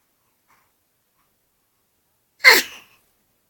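One short, sharp, airy burst in a quiet room: a single infant sneeze.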